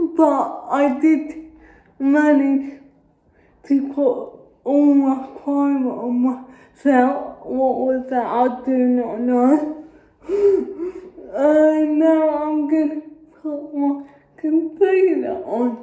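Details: Adult woman with cerebral palsy speaking. Finding: dysarthric speech in cerebral palsy.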